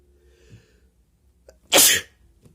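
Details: Person with hay fever and an itchy, sensitive nose inducing sneezes with paper: faint breaths, then a single sharp, hissing sneeze; induced sneeze.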